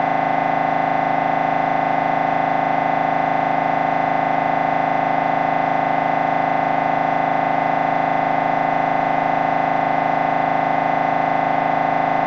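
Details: Loud, steady, rapid buzzing drone of an MRI scanner during a brain scan sequence, a normal operating sound.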